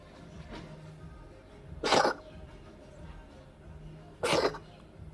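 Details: Cat coughing, an example from a feline medicine specialist: two short, harsh, forceful expulsive bursts a few seconds apart with quiet breathing between them; a cough, distinct from hairball retching.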